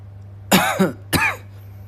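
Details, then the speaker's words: Two short, sharp coughs with some throat clearing over a low steady hum, from a speaker on a voice-only live stream who remarks he is coughing a bit, just after playing a song. "기침이 좀 나네요."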